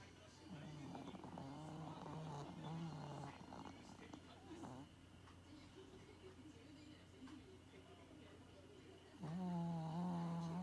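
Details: Maltese puppy snoring like an old man: loud, deep, droning snores over a steady background hum.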